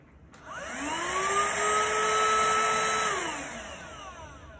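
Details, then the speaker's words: Homemade wearable cuirass negative-pressure ventilator (plastic container with car vacuum cleaner, slide switch): motor whines up, runs about 2.5 seconds, then winds down; vacuum on for wearer's inhalation, off to exhale. "i turn off the switch to exhale you can see the housing will deflect or inflate when a vacuum is created that's when I'm inhaling"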